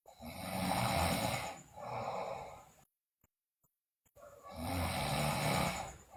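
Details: Sleeping girl snoring loudly, in a recording also described as including bruxism and delirious talk: loud, rough snoring on two long breaths in, a pause, then another loud snore.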